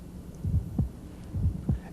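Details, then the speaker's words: Heart sounds at the apex, left lateral decubitus, heard best with the diaphragm: sharp, high-frequency extra click just after S1, after the QRS, in two cycles; ejection sound, unlike a dull S4. "you'll note the cadence is very similar but it's a high frequency sound and if you watch the QRS the extra sound occurs after the curious"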